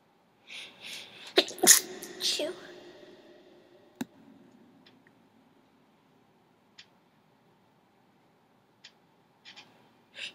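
Two sharp explosive sneezes close together, each with a quick indrawn breath before, followed by quiet room sounds.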